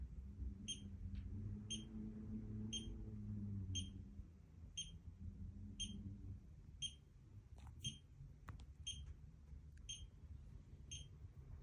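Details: Pulse oximeter beeping.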